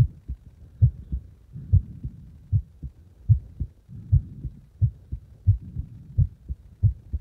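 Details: Heartbeat deliberately made faster and slower; low lub-dub heart sounds around 80 beats per minute with slight shifts in spacing between beats.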